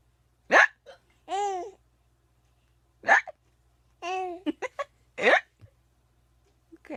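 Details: Hiccups while laughing: sharp hiccup bursts repeating between stretches of laughter in a quiet room.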